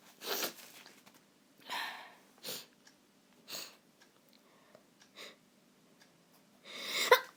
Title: I caught a cold and now I sneeze. I got sick((